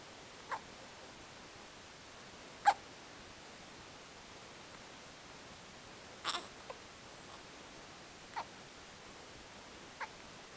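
Faint, brief catches repeat every one to two seconds in a quiet room, about six in ten seconds. These are infant hiccups.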